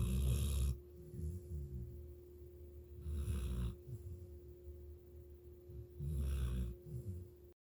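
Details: Snoring: loud, low, rattling snores about every three seconds, roughly 20 per minute, over a steady background hum.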